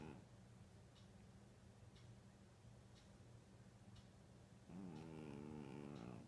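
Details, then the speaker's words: Sleeping cat snoring: soft, steady snoring with faint breath noises about once a second, then a louder, rumbling, purr-like stretch. "Ed, you're snoring."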